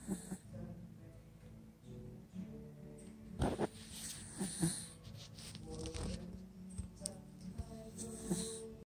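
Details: Beagle dog snoring while asleep: soft, rough, low snorts every couple of seconds over a steady tonal hum or music.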